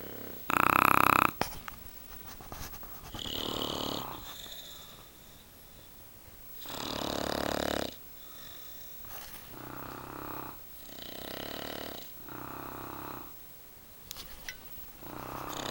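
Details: Loud, rough, snorting snores overlapping from two bulldogs and a husband asleep, at uneven intervals and loud enough to drown out the TV; heavy snoring.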